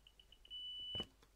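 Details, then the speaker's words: Apomorphine infusion pump for Parkinson's being switched on by pressing and holding its button; several short high beeps then one long steady tone: infusion pump power-on beep. "there's a red circle will pass inside I press and hold until I hear it beep you ready"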